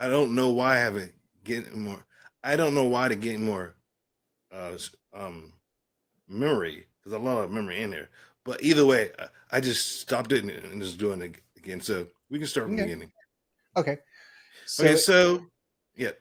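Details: Adult man with aphasia after a stroke and traumatic brain injury, with coma; initially unintelligible, still showing repetitions and word-finding errors; aphasia.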